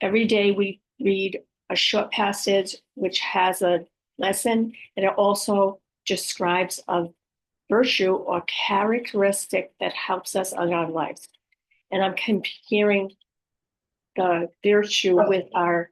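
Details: Aphasia with apraxia of speech and dysarthria following a stroke in an adult woman; initially unable to utter a sound with probable severe aphasia or apraxia, aphasia since improved; speech sometimes hard to understand.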